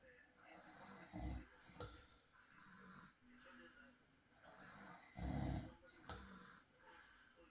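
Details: Real night recording of an adult man snoring in sleep: low rattling snores with each breath in, against steady background hiss. Snoring.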